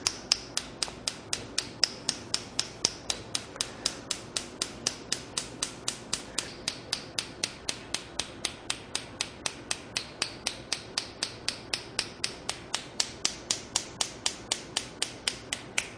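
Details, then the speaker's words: Shockwave therapy on a sedated horse's tendon lesion: rapid, regular sharp snapping clicks at four shocks per second as the probe moves up, down and sideways across the lesion. "so that noise you're hearing those are the shock waves being administered four shock waves per second it's a little bit painful to the horse so but it's not painful if we keep moving the probe so the shock waves are being being dispersed throughout the lesion"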